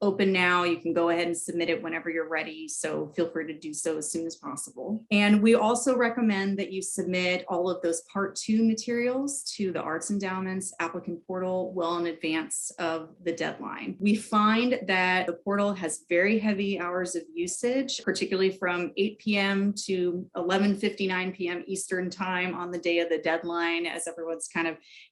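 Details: Adult woman speaking; typical speech.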